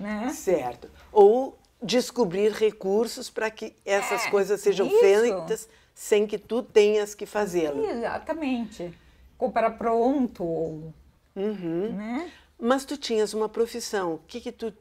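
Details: Adult woman speaking Portuguese; ordinary speech.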